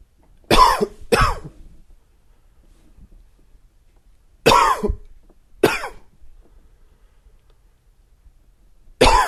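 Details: A dry, wheezy cough: five short, dry coughs in pairs, with a slight wheezy edge and quiet breathing between them.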